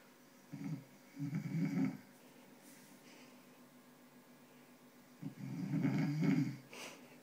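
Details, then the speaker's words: Adult man (dad) snoring, recorded with a microphone placed near him: deep, vibrating, loud snores in irregular bursts with quieter breaths between; ordinary snoring. "There's the speaker, microphone cable, microphone, and snoring dad. That's loud."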